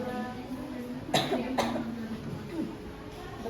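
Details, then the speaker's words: Nursing student demonstrating cough and sneeze etiquette with a patient, covering the cough with a tissue: two short, dry coughs about half a second apart, with faint room noise and a soft voice afterward. "Caranya itu, kalau Ibu sedang batuk atau bersin, Ibu bisa menutupi dengan tisu seperti ini."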